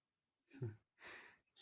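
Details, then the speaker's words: Snoring of a sleeping cat: one breath with a low, rattly snore on the in-breath, then a soft airy out-breath. "Вот находишься спишь Вот храпишь даже слышите храпит храп идет"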